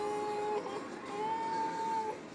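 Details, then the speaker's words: A cough assist machine with a mask on a child's face, used after a 15-minute nebulizer and chest physiotherapy, cycles 5–10 times; a steady motor whine shifts pitch as air is pushed in then pulled out; mechanical insufflation-exsufflation. "you hit it put it on her face and you hear it go up and down five to ten times so she doesn't like it that much really not too hard on her face but enough to where it's just suctioned"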